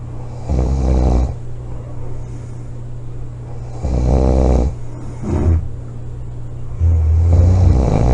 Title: snoring, loud snoring,코골이 July 25 2017